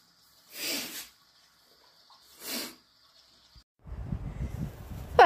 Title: Very snotty morning - Induced sneezes and nose blowing